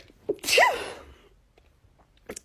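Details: From a TikTok rapid-sneezing compilation. A quick breath in, then one sharp, explosive sneeze that fades, with faint room sounds after; a sneeze.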